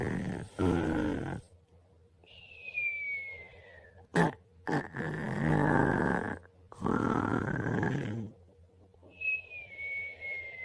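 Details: Man sleepy after a long day snoring: irregular grunting, rumbling breaths with short snorts and a few squeaky whistling sounds between.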